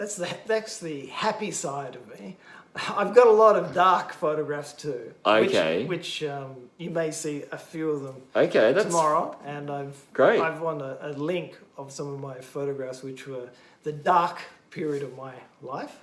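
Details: Adult male stroke survivor, bilingual English teacher, with expressive aphasia affecting both English and Japanese after a stroke during heart surgery four years earlier; word-finding difficulty, circumlocution, cognitive fatigue; gradually improving but still has word-finding problems; expressive aphasia.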